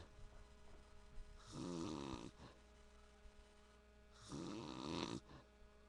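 Two long, rough, rattling snores on the in-breath, about four seconds apart, over a steady low room hum.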